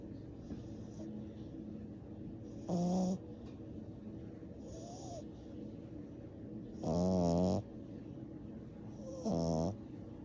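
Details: 10-week-old black and brindle French bulldog puppy asleep: loud, rattling snores with each breath, about 14 a minute, over steady room noise; snoring.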